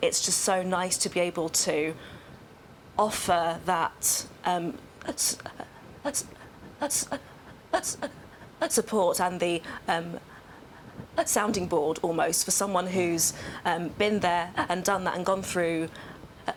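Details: Adult woman who has stammered for nearly 25 years; stammering (stuttering).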